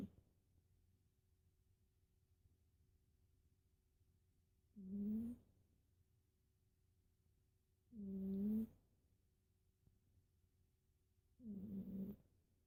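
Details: Cat wheezing/snoring: three short, tonal, noisy wheezy breath sounds with quiet gaps between.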